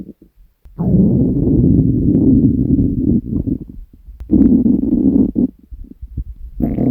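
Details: Hungry stomach growling (borborygmi) recorded from the uploader's own stomach: long, low gurgling rumbles in two main bursts.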